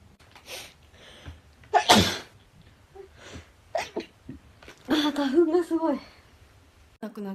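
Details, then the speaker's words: Young Japanese woman with allergy sneezing. She says the pollen is bad and her throat is itchy, then gives a loud burst sneeze followed by a voiced exclamation amid quiet talk. "もう分かんなくてくしゃみ出ちゃったよ。"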